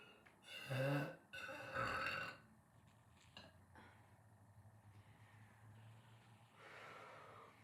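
Two loud, low, rumbling burps in quick succession, followed by quiet breathing and faint room noise.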